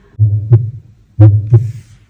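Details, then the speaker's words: Normal heart sounds at the mitral point during a cardiovascular examination demonstration: two regular low sounds per beat at about 60 beats a minute, S1 louder than S2 because it is closer to this point. "there are two sounds and s_ub_2 on mitro point which sound louder S1 louder because it is closer of this point."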